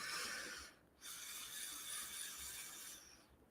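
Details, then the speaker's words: Live demonstration of breathing, close to the mic, through a hoseless Opti Pillows nasal pillows device with an adjustable expiratory pressure dial. Long airy hissing breaths with short gaps, the out-breath forced through a narrow opening: EPAP expiratory resistance. "So I'm just going to breathe on this just for a minute, close to the mic so you can hear. Can you hear the expiratory pressure?"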